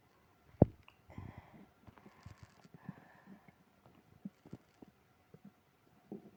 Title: tummy trouble after eating ice cream (stomach growling, moaning)